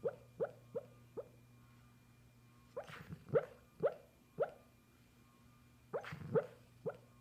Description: My dog Charlie making weird bubble noises while she sleeps..